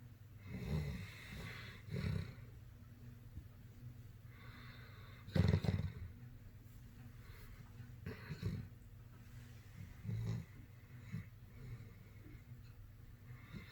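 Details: Sleeping dog snoring: irregular low rumbling snores with snorting breaths, about 13 a minute.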